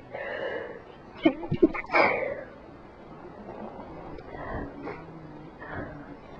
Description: I induced most of these. I was sick so that helped a little.